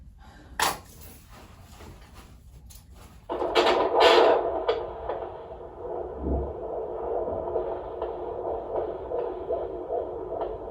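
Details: A pregnancy at 38 or 39 weeks is monitored during a non-stress test: after handling clicks, a fast, steady whooshing pulse emerges from the Doppler. Normal fetal heartbeat.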